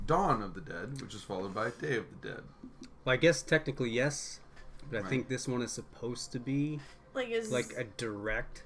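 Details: Adult male speaker; normal voice.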